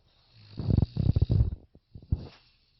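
A low, fluttering snore on the in-breath, then a shorter rumble.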